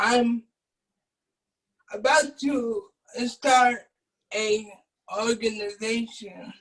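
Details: Adult man with cerebral palsy who uses a wheelchair; at birth doctors told his family he would never be able to speak; dysarthric speech in cerebral palsy.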